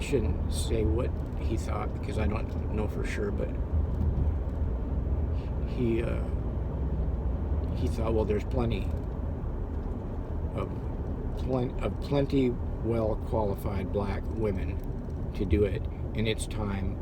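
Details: Adult man who had severe stuttering that still crops up, heard now as stammering and hesitating; stuttering.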